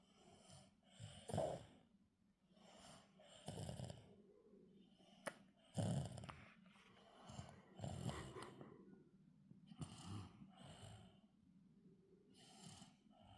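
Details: Snoring in a sleeping 22-month-old toddler, November 2024: irregular, rough snoring on the in-breaths, about 28 breaths per minute.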